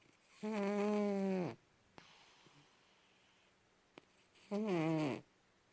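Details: Sleeping cat snoring: two loud, buzzing snores about a second each, separated by quiet gaps of several seconds.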